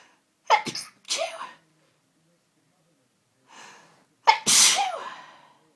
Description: captured some sunday evening sneeziness that has just overcome me in the last hour.....